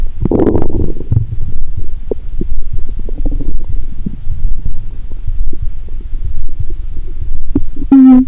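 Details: Stethoscope on own abdomen while lying down, after drinking cola and swallowing Mentos: low gurgling and irregular bubbling with a brief tone at the end; active bowel sounds in a distended stomach.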